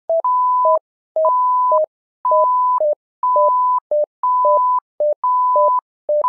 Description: Here is a simulated patient monitor named "SimMon"